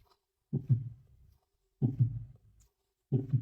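Three slow heartbeats at about 46 a minute, each a pair of low thumps, the first and second heart sounds, followed by a soft low rumble before quiet. The rhythm is slow and steady, heard through a stethoscope during a teaching demonstration.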